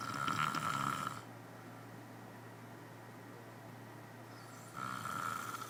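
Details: Two buzzing, whistly snores with a quiet pause between them over a low steady hum; a person snoring at church camp.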